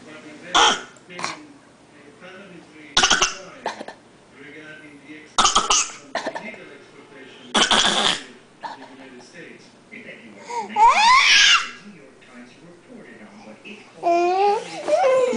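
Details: A young child (Zaidy) mimicking a cough: short, forced coughing bursts between soft vocal sounds, an imitated, fake cough.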